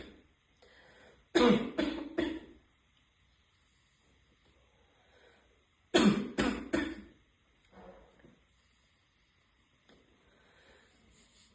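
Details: Adult female heavy smoker taking deep vape hits, each triggering runs of three harsh, forceful barking coughs with choking and throat clearing; wheezing not clearly heard: smoker's cough.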